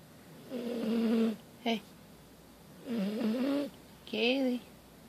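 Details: Sleeping dog at bedtime: three loud, drawn-out buzzing, rumbling breaths before being woken; snoring.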